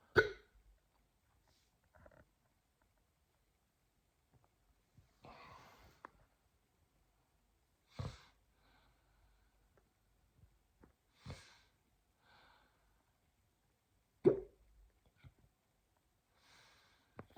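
Sharp, abrupt catches in a quiet room recur about every three seconds, at roughly five to six over seventeen seconds, typical of hiccups.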